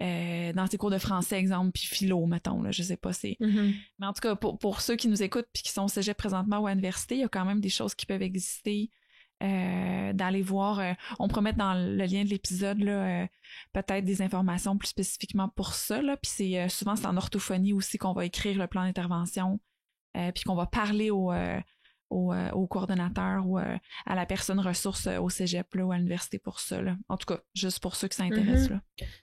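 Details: Adult woman speaking French; normal speech.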